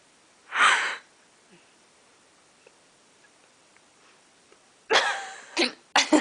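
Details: A woman at bedtime, described as having hiccups and giggling: a sharp burst of air, then after a pause another burst with quick follow-up snorts; sneezing, with smaller sneeze-like catches.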